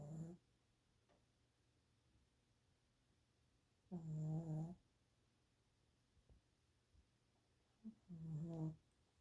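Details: Dog snoring during her evening nap in a quiet room: low, rumbling snores with long quiet gaps, two full snores and a shorter one.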